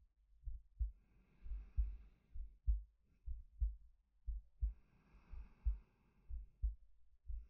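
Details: Soft steady paired heartbeats, about 62 a minute, with slow breaths over them from a male, close-miked ASMR sleep-aid recording; normal resting heartbeat with breathing.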